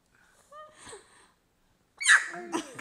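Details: Person repeatedly sneezing in a long series, each followed by "God bless you"; the adult wonders whether the person is allergic to something.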